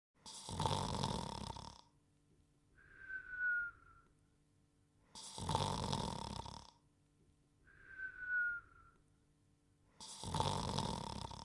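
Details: Simulated cartoon snoring by the character Dogtanian from the animated TV series The Dog Crew (1990–1992): a loud, rough snore on each in-breath alternating with a whistle on each out-breath, about every 5 seconds.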